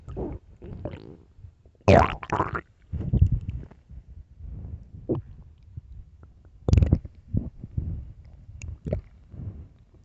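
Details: Irregular low gurgling and rumbling belly bursts with quiet gaps, recorded late at night; ordinary stomach growling, normal bowel sounds (borborygmi).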